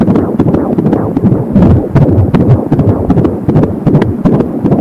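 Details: Fast, galloping whoosh-thump fetal heartbeat by Doppler at about 150 beats a minute, at 20 weeks of pregnancy.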